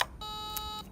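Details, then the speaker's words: Steady high electronic tone about half a second as bipolar forceps, pedal-activated with no auto-start, coagulate a piece of raw meat on a repaired DKVKh-300 300 W diathermocoagulator; bipolar electrocoagulation activation tone. "бачу що припікає файно біполяр працює до нього зауважень немає"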